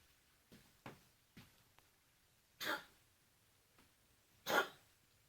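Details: Dog (Winston) coughing: two harsh, forceful coughs preceded by several softer hacking sounds, in a quiet room.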